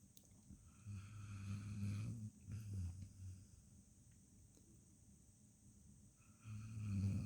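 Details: Sleeping dog snoring peacefully: two long, low, rumbling snoring breaths with a quiet pause between them.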